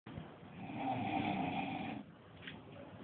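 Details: Loud, strong snoring recorded in Dubai: a single rough, rattling snore of about two seconds, then quieter breathing.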